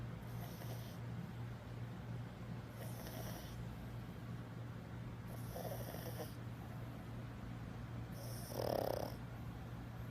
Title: Willie 11 year old pug sleeping on hotel bed TO CUTE!!! SNORING PUG